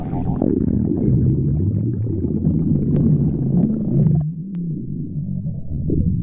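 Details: Continuous low, deep rumbling with a wavering groan-like tone; prolonged stomach growling (borborygmi).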